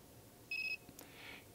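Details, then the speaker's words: Single short high-pitched electronic beep from an MR4 laser stim unit, with the light turning red, signalling that the treatment point on the skin has had enough stimulation and the emitter should be lifted; device treatment-complete beep. "again we heard the beep the light turns red that tells us we to stop"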